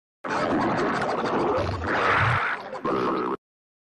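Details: About three seconds of loud, continuous rumbling and gurgling with a deeper groan near the end: stomach growling (borborygmi).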